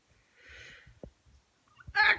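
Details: Hissing breath in and short catches leading into one sharp, explosive sneeze from a sick person with a bacterial mouth infection, ear pain, fever and sweating, taking amoxicillin.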